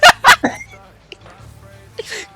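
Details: A short bout of three quick, harsh coughs heard during a video game session, with faint game sounds behind.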